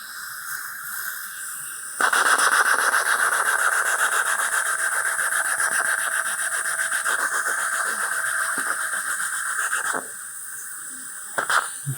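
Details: Steady high whining, rasping motor runs about eight seconds then stops: dental pilot drill cutting a pilot hole in the upper jaw for a 2.0 x 13 mm mini implant, stabilizing a loose upper denture; narrow ridge, limited but excellent bone.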